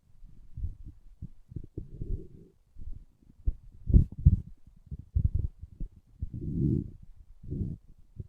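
Low gurgling, rumbling bursts of irregular length, typical stomach growling from gas and fluid moving through the gut; a normal finding.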